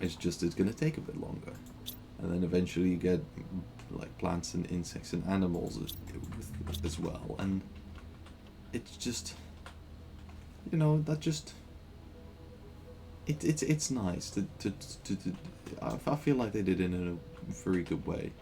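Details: Adult man who says he stammers regularly and remarks afterwards that this stretch had a lot of stammering; stuttering.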